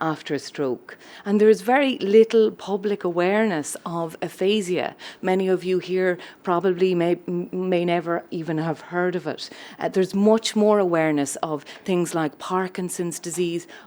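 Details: Adult woman speaking; normal speech.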